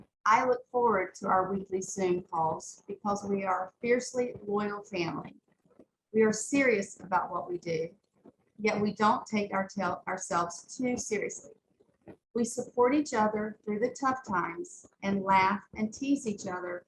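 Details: Adult female speaker; ordinary speech.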